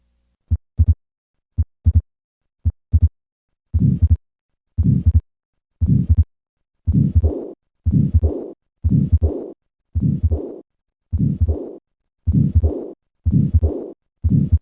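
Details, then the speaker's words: Repaired tetralogy of Fallot with combined pulmonary stenosis and regurgitation: heartbeat around 56 a minute with a rough murmur filling much of each cycle. "listen once again to the combined murmurs of pulmonary stenosis and regurgitation"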